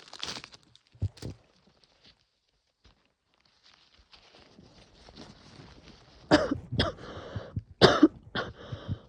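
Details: A woman with a cold, a sore throat and sore lungs: a few harsh, loud coughs and throat-clearing bursts after a quiet stretch, with a sharp sneeze-like burst at the start; coughing.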